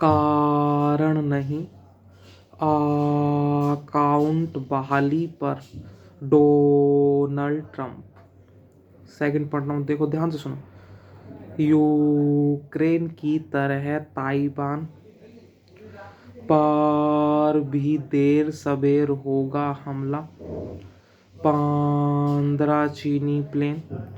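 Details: Man who stammers reads Hindi newspaper aloud using his therapy techniques: slow speech, breathing before speaking, 3-4 words at a time, stretching the first letter; fluency-shaping speech technique for stuttering.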